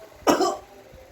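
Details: An adult man is coached in effective-cough therapy for pulmonary tuberculosis. He takes a deep breath with one hand on his abdomen, then gives a single forceful cough to clear sputum. The cough is acted as a demonstration.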